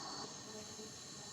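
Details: Steady airy hiss of gas flow from a GLP HFNC-01 high-flow nasal cannula, with oxygen fraction being turned up toward 100.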